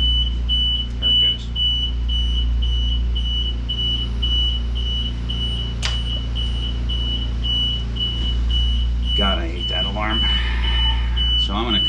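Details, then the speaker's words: Rapid, repeating high-pitched beeps over a loud machine hum from an Invacare oxygen concentrator alarm that sounds for a set period when the oxygen is cranked fully open while running a lampworking torch. "crank this oxygen all the way open that alarm goes off for a specific period of time"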